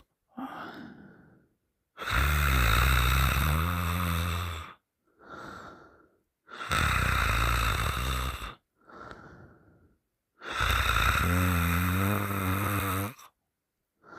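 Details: Sleeping with mouth open, boyfriend later holding the nose shut: loud, rough, rattling snores on each long inhalation with softer breaths between, about 15 breaths a minute; heavy open-mouth snoring.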